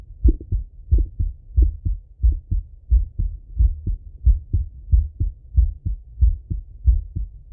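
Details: Full heart auscultation of a male, recorded either sitting at a desk or lying in bed: steady lub-dub at about 90 beats a minute, crisp first and second sounds with no extra noises; normal heart sounds.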